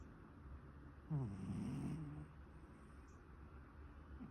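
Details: Sleeping pet cat: a single low, rumbling snore over soft room noise; ordinary snoring.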